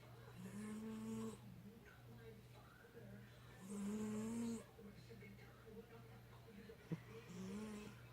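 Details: Sleeping pet cat snoring: soft, slow, rhythmic snores at about 19 breaths a minute, with a steady low hum in the room; snoring.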